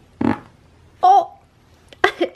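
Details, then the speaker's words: A short burst of passed gas from a baby boy just after waking in the morning, followed by soft baby vocal sounds: normal infant flatulence. "have a little gas any totally natural thing everyone does it"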